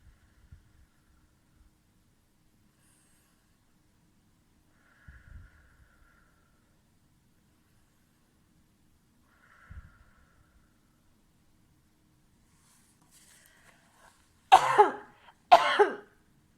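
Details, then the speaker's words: Voluntary cough: quiet deep breaths in and out, then two loud deliberate coughs, part of an hourly five-deep-breaths-and-two-coughs lung exercise, possibly done lying on the tummy. "that was an example of the five breaths in and out deeply and the two coughs"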